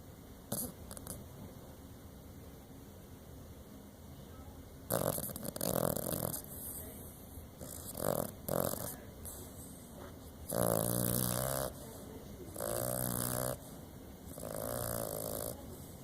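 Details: Small dog's loud, rough snoring bursts, rattling and snorting, irregularly spaced, over quiet room noise; snoring louder than his size suggests.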